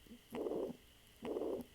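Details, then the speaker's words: Pansystolic murmur of mitral regurgitation: a long, even blowing murmur filling each systole with soft or absent first heart sound, heard at the apex, normally radiating to the axilla. "so it's a pan-systolic murmur and it will be something like this so this is the mama you're going to hear and it's a pen systolic murmur heard throughout the disc through the sisterly"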